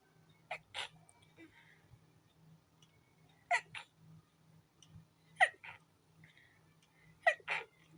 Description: My nose was tickling... and every sneeze made the tickle worse... I couldn't stop sneezing.